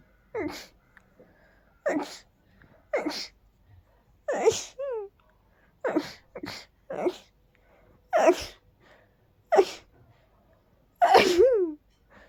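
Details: Dust allergy sneezing: a run of about nine sharp sneezes, some ending in a high squeaky note.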